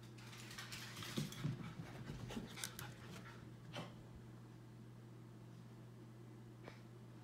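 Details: A dog makes a short burst of rapid, noisy snorting breaths, then quiets; the owner is unsure whether it is a collapsing trachea episode or a reverse sneeze.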